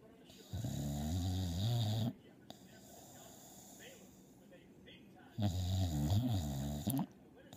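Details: Ordinary snoring in a sleeping dog: low, buzzing, vibrating snores on each breath in, with quiet breaths out between them.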